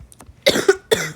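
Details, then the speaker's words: Two quick, harsh cough bursts after a few short breaths, from a gamer who says they are still really sick, recorded while playing a game. "I think I'm severely lagging and I'm supposed to be literally dead right now yes I think I'm I'm sorry y' I'm still really sick"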